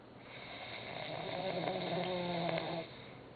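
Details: Sleeping Turkish man snoring "like a horse", checked again as he keeps snoring: one drawn-out, rattling, fluttering breath of about three seconds that swells then fades, a single snore.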